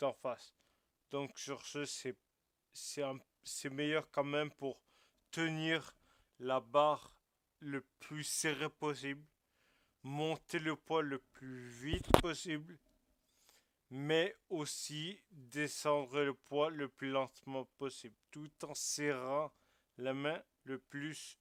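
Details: Man with Friedreich ataxia, carrying the disease mutation, speaking French while explaining an exercise; ataxic dysarthria (Friedreich ataxia).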